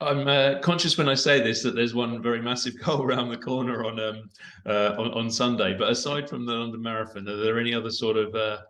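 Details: Adult man speaking; Normal speech.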